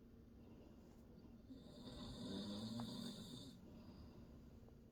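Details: Loud, rough snore building and fading over about two seconds in a quiet room, from a father sleeping while his baby son explores nearby; ordinary snoring.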